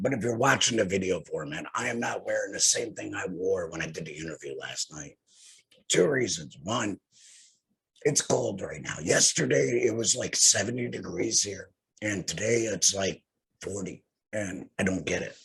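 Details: Tracheoesophageal speech from a male laryngectomee using a TEP voice prosthesis fitted after laryngectomy for head and neck cancer; he has no larynx and says long talking causes phlegm.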